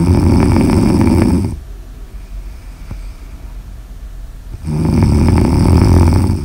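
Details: Snoring in an ASMR sleep recording: two loud, rough, low rattling snores on the in-breath, separated by a quiet pause.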